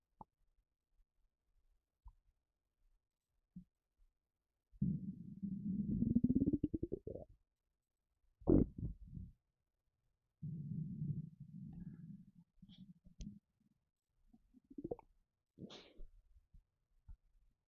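Long low gurgling rumbles, one rising in pitch, with shorter gurgles and squeaks between quiet gaps; an empty stomach rumbling.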